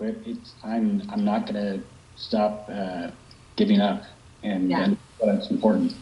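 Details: Young man with aphasia after a stroke at age 21, about 10 years earlier; Broca's aphasia.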